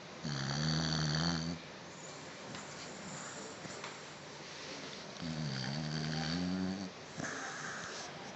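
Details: Deeply asleep, snoring on without reacting to sudden waking attempts: low, buzzing snores with a nasal whistle, about 12 a minute, separated by quiet breaths.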